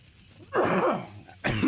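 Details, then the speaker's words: An adult who has caught a cough gives repeated coughs while talking; cough. "Yeah. Excuse me. I seem to have caught a cough somehow."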